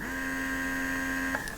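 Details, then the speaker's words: Steady motor whine with a click from a Pumpables Genie Advanced portable breast pump running at suction level 10 on its fastest of three cycle speeds. "You can hear that's a little bit faster still on suction level 10."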